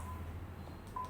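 Two short steady electronic beeps from a defibrillator over low room hum; a normal device alert tone.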